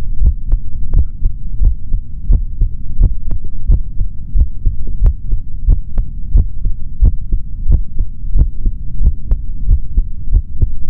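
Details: Normal adult male heart sounds through a stethoscope, ASMR recording: steady low thumping heartbeat, about 90 paired beats a minute, over a constant low hum.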